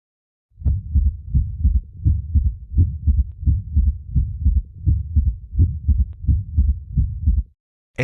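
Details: Patient presenting with chest pain, cardiac auscultation: regular low-pitched heart sounds at about 86 beats a minute, with an extra soft low thud after the second sound giving a galloping rhythm. S3 gallop.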